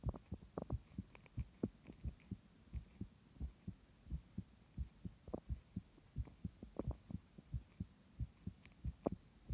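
Soft, regular double heart thumps at about 90 beats a minute, with low background hum.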